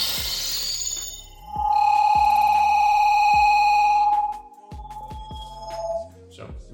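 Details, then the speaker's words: Simulated demonstration with a smartphone sound amplifier and speaker, microphone near speaker at rising gain, illustrating hearing aid whistling; high-pitched acoustic feedback whistle. "Свист в слуховых аппаратах проявляется совершенно одинаково. Поскольку микрофоны устройства расположены очень близко к местам, откуда звуки выходят из уха, оно легко их улавливает и усиливает."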